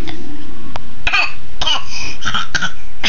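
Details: Young child coughing: a run of about four or five short, light, forced coughs, close to throat clearing; a plain voluntary cough.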